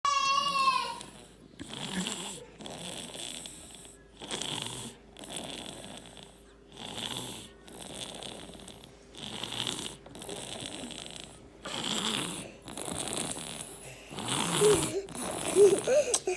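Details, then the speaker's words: Rapid, repeated short snorting snores from a sleeping female, about ten in sixteen seconds, getting louder toward the end; loud snoring. "Can you hear her snore from over there or what? Even Troy doesn't snore like this, right?"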